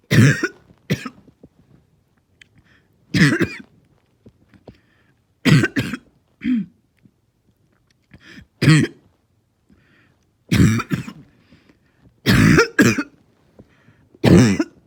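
About eight harsh, hoarse cough bursts, some in quick pairs, with quiet gaps between; a barking cough typical of upper airway swelling.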